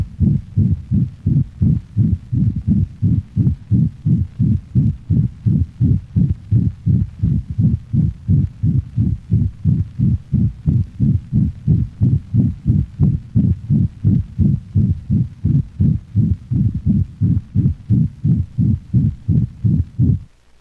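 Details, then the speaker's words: Dog, mitral and tricuspid valve regions: rapid regular heartbeat with harsh, loud holosystolic murmur, resembling mitral insufficiency, with little radiation; ventricular septal defect. "note that the murmur of the ventricular septal defect is a harsh holosystolic sound not unlike that of mitral valve Allah insufficiency"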